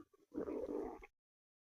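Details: Stomach growling (borborygmi): a brief low, groaning gurgle lasting under a second, after a couple of faint bubbles.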